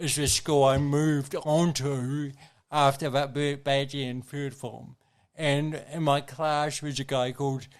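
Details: Adult man with congenital cerebral palsy, a brain injury from oxygen loss during birth, with thinking intact; dysarthria (cerebral palsy).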